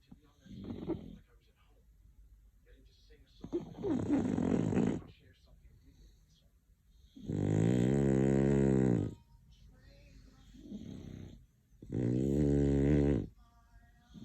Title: Snoring Stella